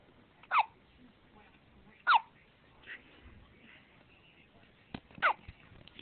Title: 2 wks hiccups